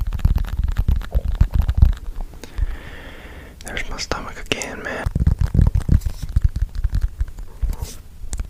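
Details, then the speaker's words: Adult's stomach growling picked up by a microphone during whispering: low gurgling, rumbling bursts with faint scratching between, ordinary gut sounds of fluid and gas moving. "That's my stomach. Okay. Sorry. It's It's got to be that, right? That was my stomach. Let me know. Did you guys hear my stomach on that one?"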